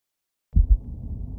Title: S3 Heart Sound